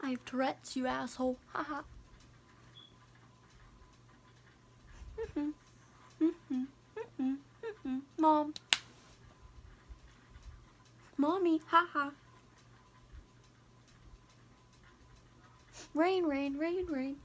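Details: Vocal tics in Tourette syndrome, heard during a real tic attack set off by hearing rain and a storm (a phobia since childhood), with repeated words and involuntary laughter; the attack lasted about five minutes.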